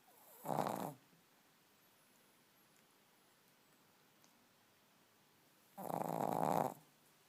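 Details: Loud snoring during sleep: two rough, rattling snores about five seconds apart in a quiet room.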